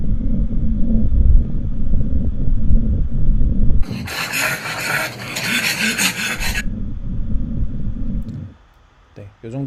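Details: Brachycephalic dog with brachycephalic obstructive airway syndrome (BOAS), grade 3, shown in a grading demonstration: loud, harsh rasping breath noise about 113 times a minute; severe stertor from an obstructed upper airway.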